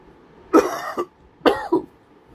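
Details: Adult with a draining cold, possibly allergies, lingering cough: two short, harsh coughs in a quiet room.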